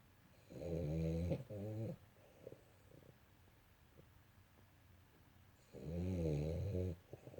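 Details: Small dog snoring while asleep: two loud, rattling snores on inhalation, separated by a quiet pause; the dog snores all the time while sleeping.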